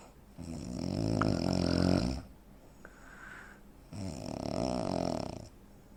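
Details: A 43-year-old man (85 kg, 165 cm) gives two loud, rattling snores on inhaled breaths, separated by a quiet breathing pause: snoring with obstructive sleep apnea.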